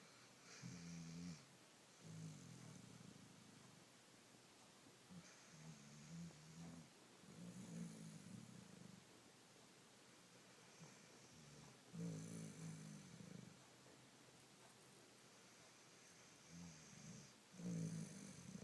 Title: Snoring